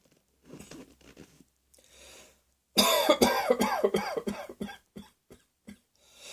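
A few soft sounds, then a run of about ten forceful coughs in quick succession, trailing off into quieter ones.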